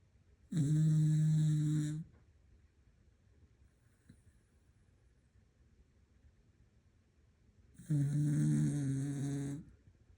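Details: Deeply asleep, snoring for over a minute: two long, steady, buzzing inhaled snores about seven seconds apart, about eight breaths a minute, in a quiet room; loud snoring.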